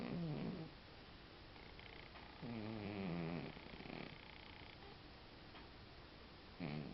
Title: Django the snoring cat